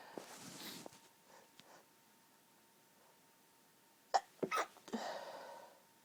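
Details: Stifled sneezing from allergy (sensitive, tickling nose): soft breathy build-ups, then a few sharp muffled bursts and a nasal rush of air; some sneezes stifled, some half stifled.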